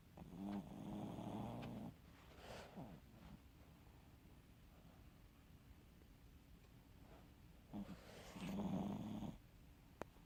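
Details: Sleeping dog: quiet, soft snoring with rattly in-breaths separated by gentle breathing.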